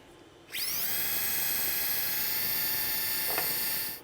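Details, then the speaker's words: Orthopedic surgical drill spins up to a steady high-pitched whine while drilling the second side during an open Achilles tendon repair using percutaneous techniques with a Krakow stitch, after tapping. "you want to angle this in so now we're just tapping it now we're going to drill the other side"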